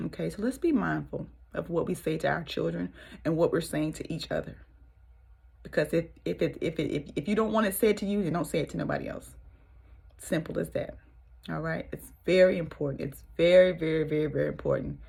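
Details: Stuttering in an adult woman, severe since childhood and now milder, worse when nervous or excited, with frequent hesitations.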